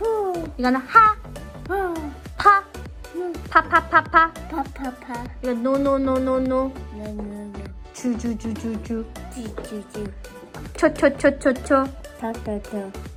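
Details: Therapy clip of a child with childhood apraxia of speech attempting imitation, matching syllable count and intonation without correct vowels or consonants; childhood apraxia of speech.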